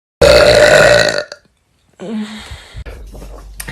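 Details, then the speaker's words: One long, loud, deep belch lasting about a second, then a short pause and a second rough voiced burp; deliberate burping. "really burping in your face casey"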